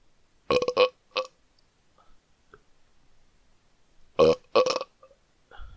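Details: Person burping deliberately on command: two groups of loud, rough, voiced burps, about five in all, with quiet gaps between.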